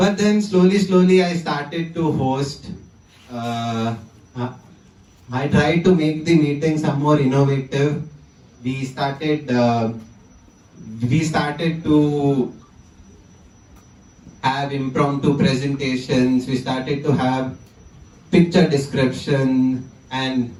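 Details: 20-year-old man who stammers; stuttering.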